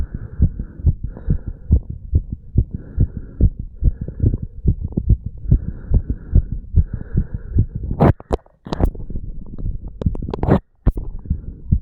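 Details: Heart recorded over the mitral and tricuspid valve areas of a 35-year-old male after pull-ups and breath holds: a fast, strong heartbeat around 140/min with loud thumping beats and handling noise; normal heart sounds after exercise.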